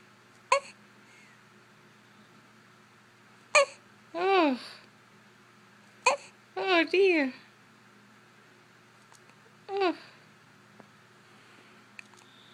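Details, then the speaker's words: Newborn baby with hiccups: four abrupt, sharp hiccups roughly every three seconds, each followed by small whimpers or fussing. "Got the hiccups? you got the hiccups?"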